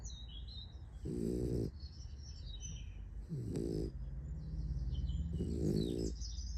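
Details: Snoring from a sleeping puppy: soft, buzzing snores, three breaths over about six seconds, with birdsong and a steady hum behind.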